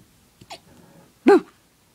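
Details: Puppy hiccups: a faint catch, then a short, sharp, squeaky jolt.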